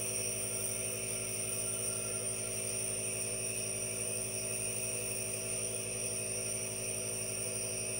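A steady, droning motor hum with a whining tone and a faint rapid pulse, and no talking. This is a nebulizer compressor running normally.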